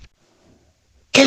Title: #FAIRYTOK || Yes I have a cough😭✨ || #rp #fairy #fypシ